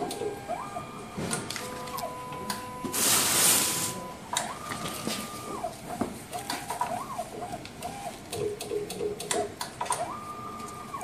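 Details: MSLAB07 automated blood analyzer running background check after pressing sample test: whirring motor runs, clicks, and rising and falling mechanical tones; normal operating noise.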